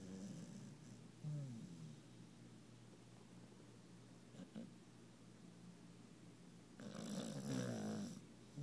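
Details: A worn-out sleeping female puppy, twisted up and twitching, gives low, rattling snores, with two loud bursts and quieter breathing between them: ordinary snoring.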